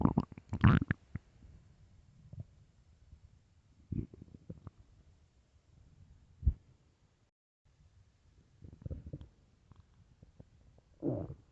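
Low gurgling and rumbling bursts with quiet gaps between; stomach growling, ordinary bowel sounds of a hungry stomach.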